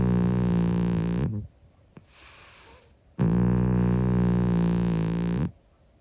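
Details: 25-year-old calico cat snoring while asleep: two long, loud, steady buzzing snores with a soft breath between them.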